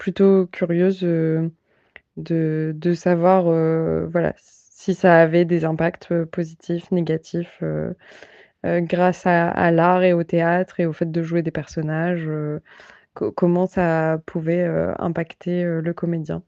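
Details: Adult woman; fluent speech.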